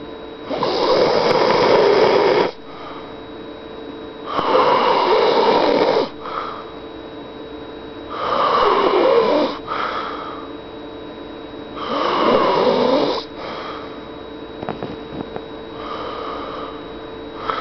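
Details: Loud, rough snoring from a woman (Mary) asleep at night, on each in-breath about 17 a minute, with quieter out-breaths between.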